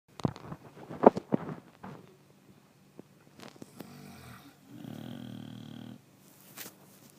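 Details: Chow Chow dog sleeping: low rumbling snore on the in-breath with softer snuffly breaths between; ordinary snoring.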